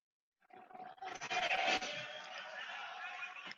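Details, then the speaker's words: In a teaching video on asphyxia where the patient is not breathing, a brief, harsh, noisy open-mouthed gasp is heard, like a fish pulled from water: agonal gasping, an ineffective breath that is not normal breathing. "eso se llama gaspin es una respiración boquean t es como los pescados cuando lo sacan del agua abre la boca así"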